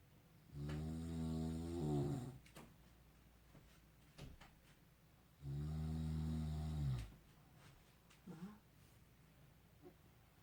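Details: Two loud, low, droning snores, about 12 a minute, with quiet breathing between, from an adult man sleeping at night in a small room, recorded in 2019; snoring.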